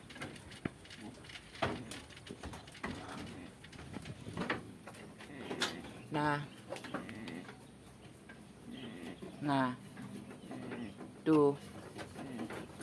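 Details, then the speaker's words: Heavily pregnant goat lying or sitting at rest makes brief, low, groaning snore-like sounds; the snoring stops when she stands and is described as harmless in late pregnancy. "suara ngorok ini biasa terdengar pada saat kambing sudah hamil besar"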